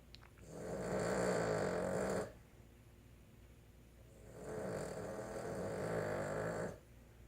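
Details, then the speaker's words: Female Boston Terrier snoring while asleep in the owners' room, snoring all night: two long, rough, rattling snores, each about two seconds, with a quiet pause between. "Tried to be nice and let her ass sleep in here. And this is how she do us all night."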